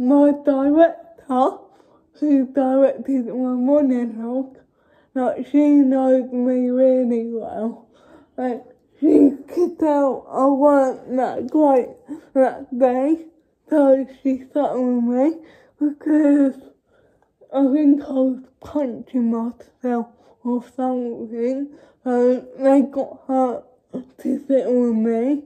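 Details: Young woman who states she has cerebral palsy, speaking spontaneously (real, not acted); dysarthric speech (cerebral palsy)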